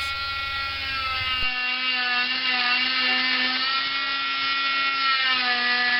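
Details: Cast saw on high setting removing a long arm cast, quick in-and-out motions from end to end, turning at the elbow: steady high-pitched motor whine with slight wavering pitch as the blade cuts.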